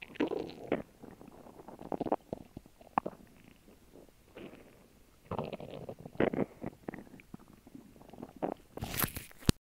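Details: Repeated gurgling, bubbling belly rumbles in bursts with quiet gaps after a lunch of grilled cheese sandwich and water; normal digestive bowel sounds (borborygmi).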